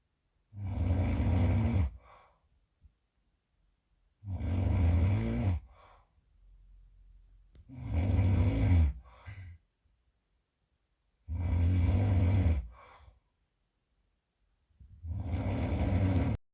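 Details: Roommate snoring at 4:30 am; loud, harsh snores on every breath, about 16 a minute, with short rattling sounds after some; heavy snoring.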